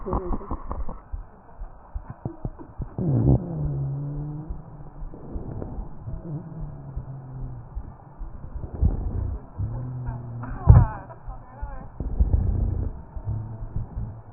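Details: Real patient recorded with an electronic stethoscope over the trachea: low snoring rhonchi and scattered crackles, broken by a couple of harsh coughs.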